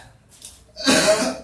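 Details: Single harsh, rough adult cough from a patient described as having "wet lungs" (paru-paru basah) and a long-standing cough, recorded during an alternative massage/ruqyah therapy session; chronic cough.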